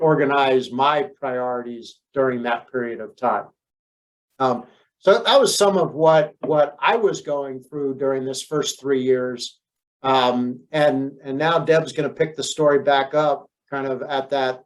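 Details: Adult man speaking; conversational speech.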